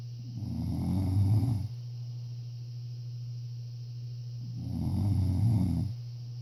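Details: Sleeping person: two loud rumbling snores on the in-breath, a few seconds apart, over a steady low hum; ordinary snoring.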